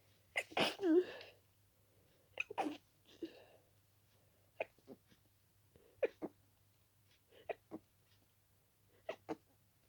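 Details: Itchy-nosed adult with dust allergy: rapid run of about ten wet, stuffy sneezes, some stifled, with barely a breath between them; an intense allergic sneezing fit.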